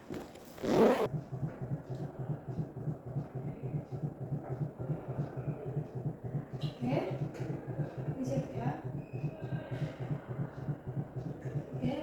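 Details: Obstetric exam: fetal heart sounds heard over the left middle of the mother's abdomen, counted for 5 seconds three times; rapid, steady low pulsing throughout.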